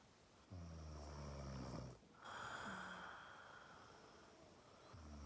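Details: Snoring: a low rumbling snore on the in-breath, then a softer out-breath and the start of another snore, with faint room noise.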